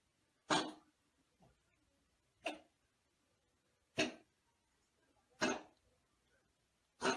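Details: Dog with heart disease for about four years, on medication three times daily: single short, dry, honking coughs every one to two seconds, five in all; a cough linked to heart disease, not a cold.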